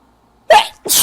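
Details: Single sharp, explosive sneeze then a breathy sound, from a young adult sneezy for weeks, suspecting pollen or dust, with itchy nose and coughing.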